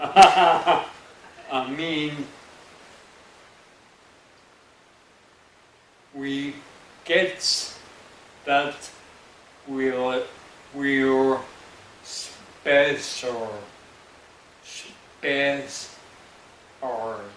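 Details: Adult man with Broca's aphasia after a stroke about 11 months earlier, attending an intensive aphasia program: Broca's aphasia.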